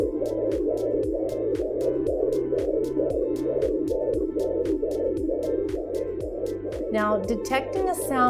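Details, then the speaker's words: Portable home fetal Doppler with gel, probe glided from the pubic bone toward the belly button in a demonstration: rapid, regular whooshing pulses at about 140 a minute over a steady rushing hiss, a normal fetal heartbeat. "I've started listening to it but I'm going to hear it a little bit more"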